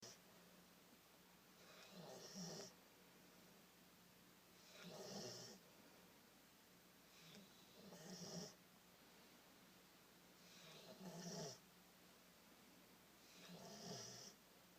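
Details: Snoring during deep, relaxed sleep on a Friday evening, after about two hours of outside play and training: regular rattling snores on each breath, about 20 a minute, over a steady low room hum.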